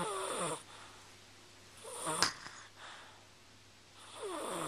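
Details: Snoring recorded with a Flip Video camcorder: soft, whistling, nasal breath sounds with a brief snort in the middle, over quiet room hum; light snoring.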